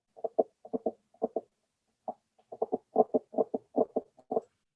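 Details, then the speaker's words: Rapid heart sounds from a dog with an extra mid-systolic click that comes and goes and changes, from mitral or tricuspid valve prolapse in myxomatous mitral valve disease; often misdiagnosed as a gallop sound. "These are often misdiagnosed as gallop sounds. I can play for you a click. Notice the click comes and goes and changes."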